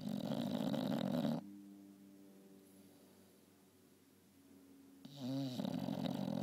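Two loud, rough snoring breaths with a faint whistling tone between them: a bulldog snoring during sleep.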